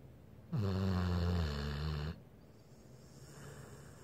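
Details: One long, deep, vibrating snore from a sleeping blue pit bull, sounding like a human snoring, over a soft steady room hiss; snoring.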